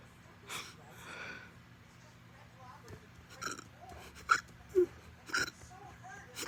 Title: extreme hiccups after eating